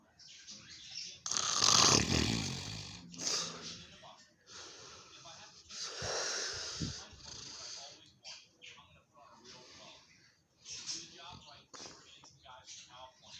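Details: Dad snoring: a loud, rough snore followed by softer snorting, rattling breaths.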